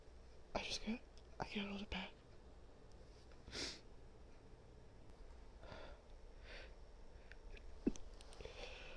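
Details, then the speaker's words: Acted, simulated sneezing by a woman hiding in a closet, portraying guinea pig dander allergy: whispered, stifled sneezes with breathy build-ups and a sharp burst near the end. "I'm gonna have to let these sneezes out. It just tickles too much."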